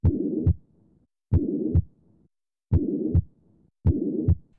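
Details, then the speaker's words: Heart auscultation teaching demonstration: four cycles with a blowing, swishing midsystolic murmur filling the gap between S1 and S2, from turbulent blood flow. "also listen for murmurs which are blowing swishing sounds that result from turbulent blood flow in the heart or great vessels a midsystolic murmur sounds like this"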